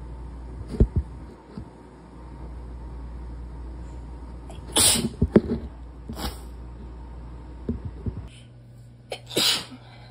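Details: Three forceful sneezes with short buildup breaths, separated by pauses, over background room hum; from an August/September sneeze compilation recorded before the person was sick.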